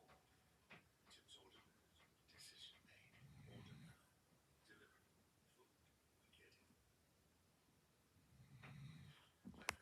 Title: My dog snoring loud